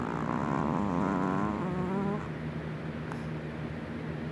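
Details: 4-year-old Chihuahua sleeping with eyes open and snoring: one long, droning snore with a buzzing tone, then steady background noise; loud, man-like snoring.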